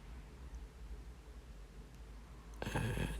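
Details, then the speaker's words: Ear microsuction with the WAXscope for bilateral blocked ear wax and dead skin: low hum, then a sudden rough hissing rush as the suction tube, just unblocked, draws hidden wax from the canal. "so you can see there's quite a lot hidden there it's just blocked the suction tube I've just come out unblocked it I've just gone back"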